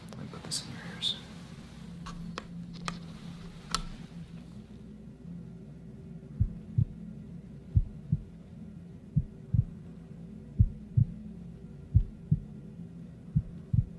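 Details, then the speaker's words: Normal heart sounds with no murmur, slow and regular at about 43 a minute, clean between beats, heard through an amplified stethoscope during a head-to-toe physical exam ASMR after the patient had a fall. "with the amplification i was able to hear that there's no murmurs would you like to take a listen"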